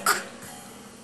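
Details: A single short, sharp cough from a 2-year-old boy, followed by quiet room noise.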